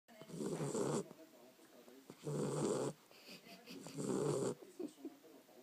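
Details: Three loud, harsh rasping snores, about one every two seconds; snoring.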